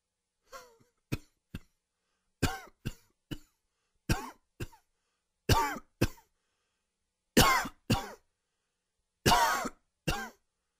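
About fourteen short, dry coughs in pairs and triples, with a faint wheezy edge to the louder ones.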